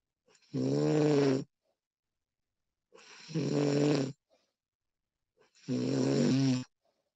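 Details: Female snoring during sleep, professionally recorded: three loud, rough snores on breathing in, each about a second long and separated by quiet pauses.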